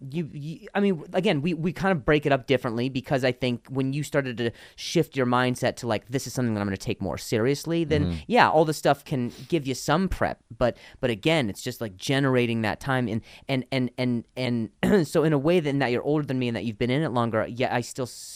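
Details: Adult male comedian who stutters and links his stutter to an injury; real speech with repetitions of words and phrases; stuttering.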